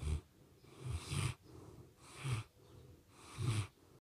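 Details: Dog snoring while asleep at night: rhythmic low rattling snores on each breath, about 26 breath cycles a minute.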